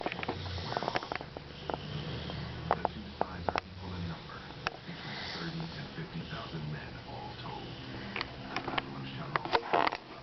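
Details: Pit bull dog snoring: low, rumbling snore-like breathing with sniffs and clicking noises mixed in.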